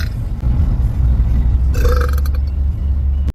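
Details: On a snow-day school delay: a long, deep, rumbling belch lasting about three seconds, a loud burp.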